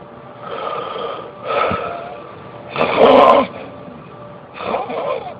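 Repeated rattling, buzzing breath noises in a quiet room, four bursts in about five seconds: snoring.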